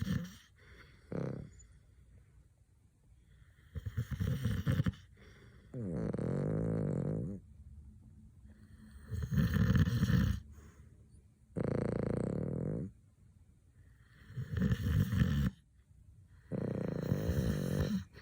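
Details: Husband and dog snoring in sync while asleep: loud, low rumbling snores in repeated bursts, the two sleepers' snores overlapping and alternating, about a dozen snores.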